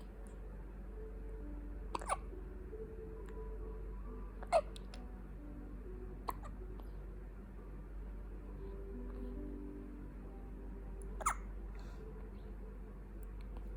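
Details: 2-week-old baby hiccuping: several short, sharp, irregularly spaced hiccup sounds over quiet background music.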